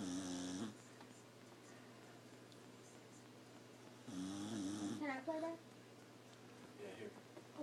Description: Does your beagle snore? Ours does! Keeps us up at night.